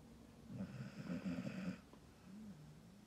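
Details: Dog in deep sleep at lunchtime: a single fluttering, rattling snore on the in-breath, then a soft whistling breath out; ordinary snoring.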